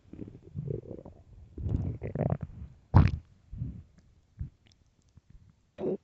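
Low gurgling rumbles and squelches come in bursts with quiet gaps between them: ordinary stomach growling from gas and fluid moving through the gut.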